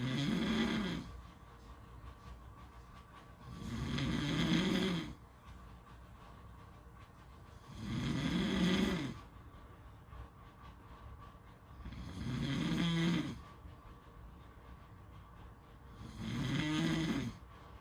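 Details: Snoring at a beach: regular throaty snores with each inspiration, about 15 breaths a minute, separated by quiet exhalations, over a steady background hiss.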